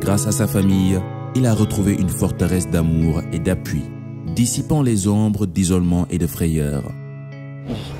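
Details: Adult male narrator; Normal fluent speech.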